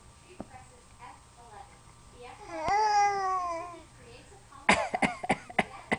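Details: Someone deliberately producing fake coughs amid laughter; voluntary cough.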